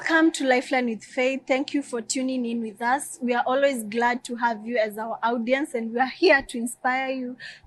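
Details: Adult woman; typical speech.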